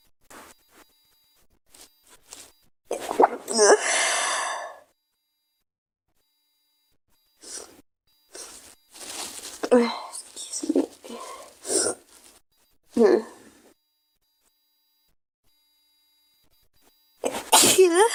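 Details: A girl's repeated sneezes, some high-pitched and vocal, with gasping inhalations between bursts in a quiet room, followed by "excuse me"; repeated sneezing.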